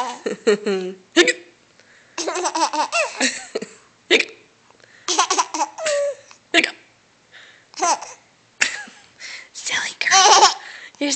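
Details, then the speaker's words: A young girl laughing and babbling with hiccups: sudden short catching gasps interrupt her laughter. "hiccups are funny aren't they"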